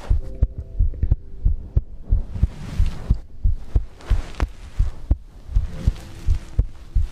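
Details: ASMR heartbeat-and-breathing compilation recording: deep, regular heartbeat thumps with soft breathing rising and falling in the background; normal heartbeat.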